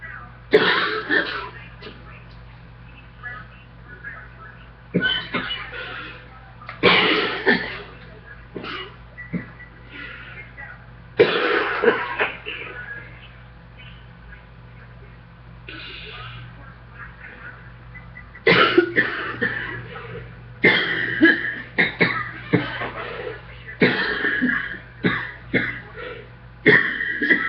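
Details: Adult coughs repeatedly in clustered bouts with short pauses right after getting off a treadmill. Coughing fit after exertion.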